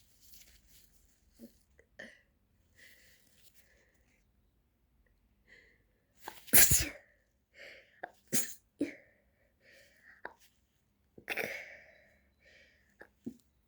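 A run of several sharp, explosive sneezes with quiet breaths between, in a small quiet room; an allergic sneezing fit.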